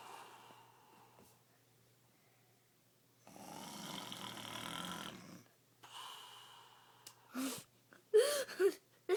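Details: Father snoring loudly: one long raspy snore on an in-breath, then shorter breath noises and brief sharp sounds nearby.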